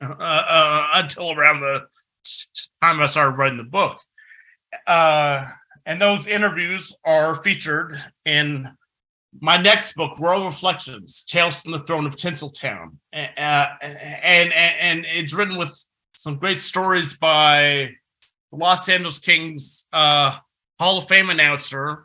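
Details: Adult man who has stuttered since about age six, a long-standing stutter he once tried to fix but now accepts; stuttering.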